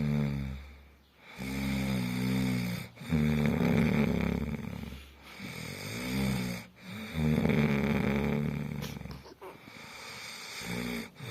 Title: Best Snore Sound Ghunguti Sound